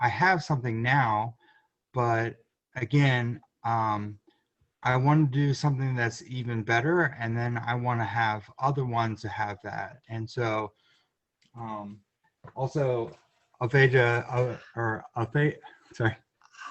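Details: Adult man with aphasia, which he says is better now; aphasia.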